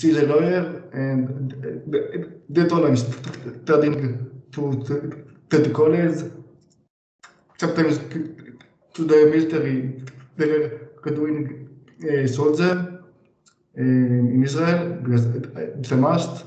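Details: 26-year-old man, stuttering since age three to four, severity level 100%, stuttering on most words, speaking in a therapy session; severe stuttering.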